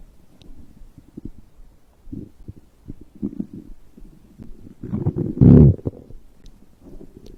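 Low gurgling and rumbling bursts with one loud growl: ordinary stomach and bowel sounds of digestion after a drink.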